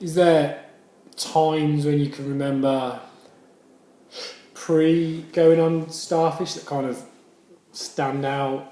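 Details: Adult male speaker; stammering.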